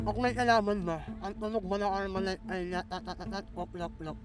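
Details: Filipino show host described as "ngongo" (nasal speech), asking a quiz question in Tagalog during an outdoor interview game in a park; hypernasal speech with articulation errors.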